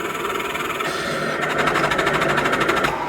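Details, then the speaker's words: Steady airflow with rapid fluttering pulse from a Philips Respironics CoughAssist T70 during therapy with oscillation set to 10, the maximum; tubing flutters visibly. "and now let's go to therapy and you can see the difference that oscillation makes you can see the difference in the uh op in the the pressure operation here you probably also can see the tubing flutter quite a"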